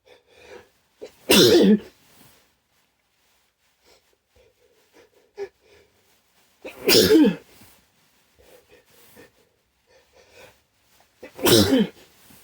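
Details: Three big, snotty sneezes a few seconds apart, triggered by chhinkni after white pepper up the nose burned but failed to cause sneezing; quiet breathing and small sounds between sneezes.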